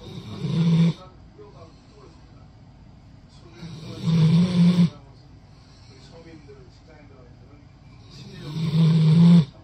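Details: Rottweiler dog sleeping with head on an arm, loud low rattling snores about every four seconds, roughly 13 a minute, with quiet breathing between: snoring during sleep.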